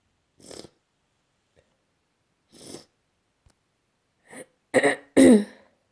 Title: Battling a single stuck sneeze